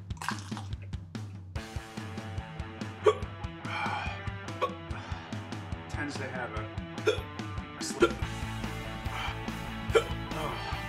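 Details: Several short, sudden gulping hiccups at irregular intervals over loud music, from a montage of one person's hiccups; hiccups.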